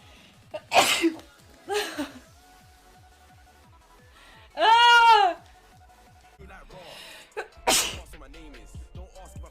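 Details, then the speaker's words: Young woman sneezing so powerfully her headset flew off: several sharp sneezes with a drawn-out voiced cry in the middle, over background music; sneezing. "my headset flew off my sneeze was so powerful yeah it's good right"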